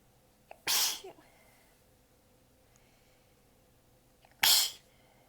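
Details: Two sharp, hissing sneezes about four seconds apart, each preceded by a brief catch of breath, in a quiet room; a tired, partly held-back sneezing fit, recorded while exhausted with sore abs and sneezes bitten back a little.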